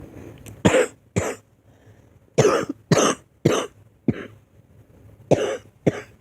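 About eight short, loose coughs in irregular bursts over six seconds, with faint room noise between them.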